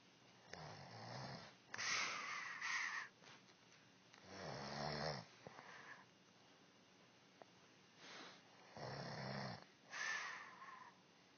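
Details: Wife snoring during sleep: repeated rough, fluttering breathing noises with snorting on the breaths, roughly 15 to 20 breaths a minute; snoring.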